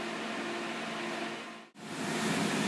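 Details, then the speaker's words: Zimmer cold-air skin cooler running to numb the thigh before a laser tattoo removal session (session 2): loud steady rushing air with a hum, briefly cutting out then resuming. "I'm gonna kick up the cold machine or zimmer cooler I'm gonna numb down my leg and then we're gonna get the process started"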